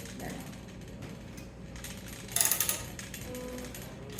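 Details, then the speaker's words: Rapid mechanical clicking bursts as a hand-cranked skin graft mesher, set to 1.5, grinds the carrier through; this ratcheting is the expected normal sound. "that's the noise you want to hear."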